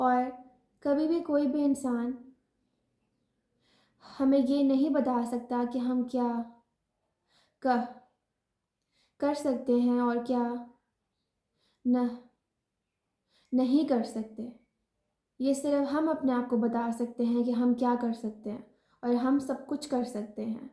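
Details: Stuttering in an adult woman, formerly a severe stammerer, who now controls it with learned techniques and self-help sessions.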